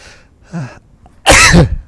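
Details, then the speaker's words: Adult male sneeze: a brief voiced intake, then one loud, explosive, cough-like sneeze lasting about half a second. "now if anyone's wondering if that is a call for a sneeze it actually is a sneeze i know when i listen to the replay it sounds like a cough"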